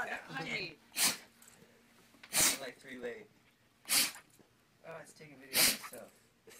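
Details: Four sharp, hissing nasal sneezes from a dog about one every one to two seconds, with snuffling between.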